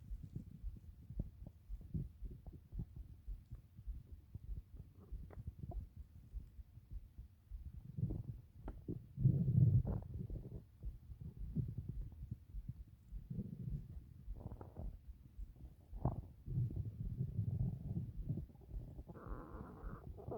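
Low, irregular gurgling and rumbling with a few louder swells; ordinary stomach growling.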